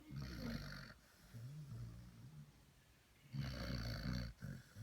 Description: Basset Hound Puppies snoring